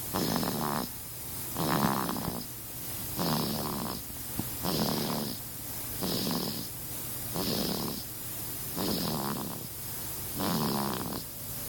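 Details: Sleeping baby snoring: rhythmic rattling snores on each breath, about 40 a minute, matching an infant's quick breathing.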